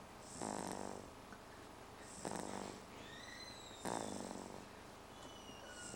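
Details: Sleeping baby girl snoring: three soft, buzzing snores about every two seconds, roughly 30 breaths a minute, with birdsong in the background.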